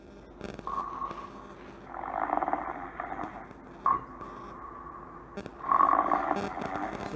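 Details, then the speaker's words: Snoring sound played for a class: repeated rough, rumbling nasal breathing noises in a steady rhythm during sleep. "So children, can you hear that noise? Yes, so that's the sound of a snore."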